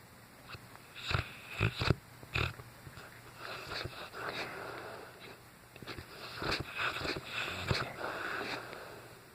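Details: Sleeping Cane Corso dog snoring loudly: snorting, rattling breaths with wheezy nasal noise between louder bursts.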